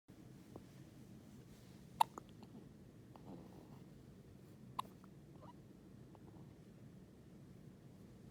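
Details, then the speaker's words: Baby's first hiccups: two brief, sharp clicks of infant hiccups over steady background hiss. "There's little hiccups. Oh, that's too bright, Daddy."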